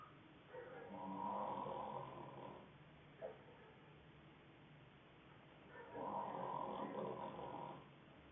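Two long, rumbling snoring breaths about five seconds apart, heard through a muffled recording.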